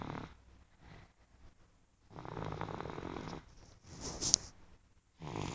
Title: snoring 1